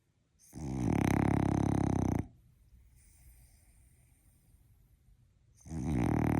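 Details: A napping French bulldog gives loud, harsh, rattling snores on each in-breath, with quiet pauses between: typical heavy snoring of a flat-faced dog.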